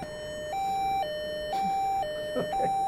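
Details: Medtronic Evera implantable defibrillator alert tone, deliberately triggered in an alarm test: a clear electronic two-note tone alternating high and low about once a second, confirming the alert is working.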